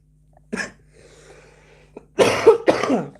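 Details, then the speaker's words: An adult man gives one short cough, then after a pause two louder, harsh coughs in a quiet room, while performing stand-up comedy; a cough during flu. "I apologize for my flu again."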